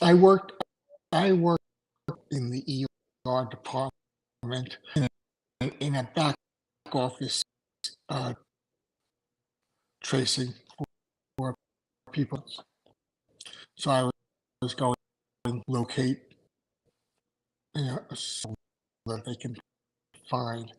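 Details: Aphasia in an adult male after two strokes in November 2017, including a hemorrhagic stroke, with short-term memory problems, right-sided weakness, an unusable numb right hand and ten seizures since the stroke.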